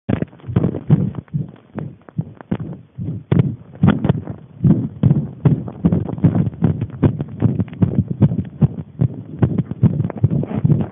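Muffled rhythmic heartbeat thumps, fast at roughly 150 a minute and somewhat uneven in loudness.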